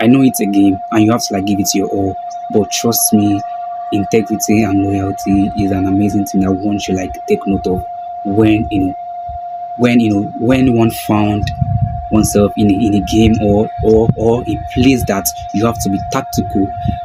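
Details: Video host who self-identifies as a stammerer, stuttering with a broken word and a repeated word; stuttering.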